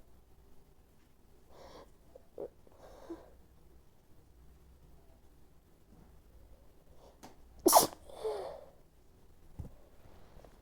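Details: Woman sneezing: quiet sniffs and catching breaths, then one sharp, explosive, desperate sneeze with a trailing exhale, in a quiet room.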